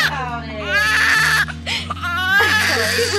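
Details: Newborn girl of 8.5 pounds, born at 6:38 as a second baby after a failed epidural: loud, rhythmic wails separated by short gasping inhalations, with adult voices faintly behind; a vigorous newborn cry shortly after birth.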